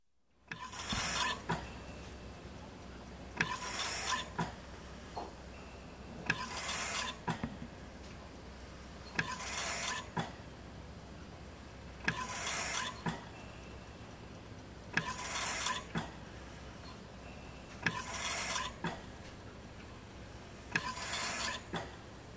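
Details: Ventilator sound effect, not a real patient: steady, regular air whooshes about 21 times a minute over a low mechanical hum; mechanical ventilator sound.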